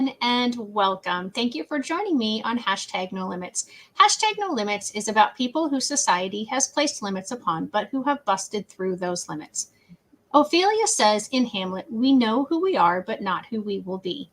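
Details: Adult woman; typical speech.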